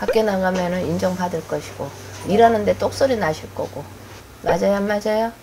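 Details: Adult speaker; unaffected speaker.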